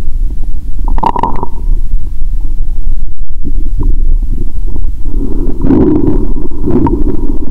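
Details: Bowel sounds through a stethoscope on the abdomen of a person fasting over 15 hours, during a cola and Mentos challenge: continuous low rumbling and gurgling with a few louder bubbly bursts, active.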